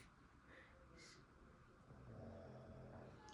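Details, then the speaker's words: Sweety, sleeping soundly after staying awake all day playing with a visitor, snoring with a "gor" sound. "ಸ್ವೀಟಿಗೆ ಗೊರಕೆ ಹೊಡಿತಾ ಇರೋದು ಕೇಳಿಸ್ತಾ ಇದಿಯಾ ನಿಮಗೆ ಗೊರ್ ಅಂತ ಇದ್ದಾಳೆ"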